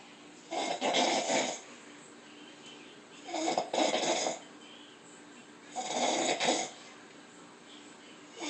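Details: Three rough, rattling snores about every 2.7 seconds, around 22 breaths a minute, from a sleeping woman over quiet room noise; ordinary snoring.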